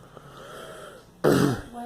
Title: Girl coughing